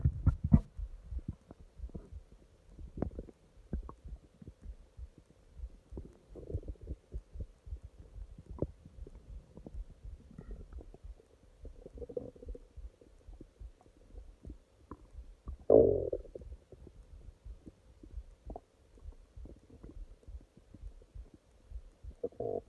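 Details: Stomach growling at night: gurgling, rumbling bowel sounds (borborygmi) with intermittent louder growls, typical of ordinary stomach growling.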